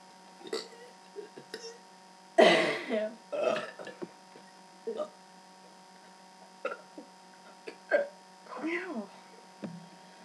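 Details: Two people burping deliberately: several loud belches, one long and rumbling, with brief laughter and voices between them. Voluntary burping.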